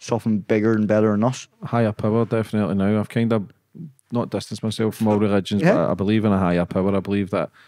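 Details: Adult male speaker; typical speech.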